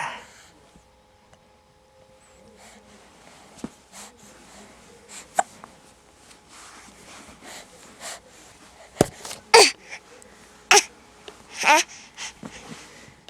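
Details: Sharp, brief hiccups repeating irregularly, about 50 a minute, with faint room noise, in a baby boy who often has hiccups, heard while playing peek-a-boo with his father; ordinary infant hiccups.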